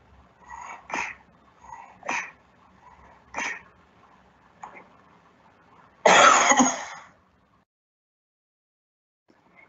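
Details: Assisted cough after lung volume recruitment (breath stacking) in a patient with neuromuscular disease, showing a large inspiratory component and a lot of chest movement.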